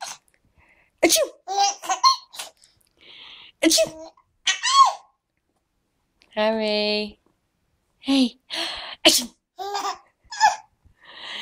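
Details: Baby giggling at sneezes: an adult sneezes several times, each followed by the infant's giggles and laughter; sneeze.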